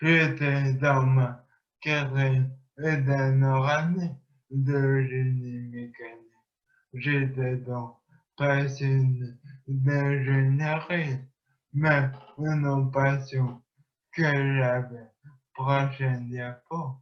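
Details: Man with a traumatic brain injury who relearned to speak through speech-language therapy rehabilitation; speech impairment after traumatic brain injury.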